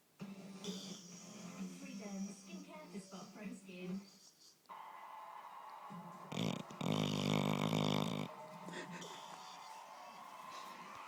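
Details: Pet dog named Holly asleep: one loud, rough, rumbling snore over a television playing talk and music; dog snoring.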